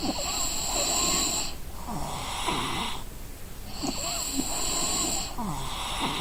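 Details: Exhausted person sleeping: loud, rattling snores with each in-breath, separated by quieter out-breaths; ordinary adult snoring.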